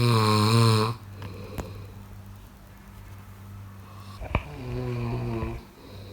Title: Snoring sound ll good sleep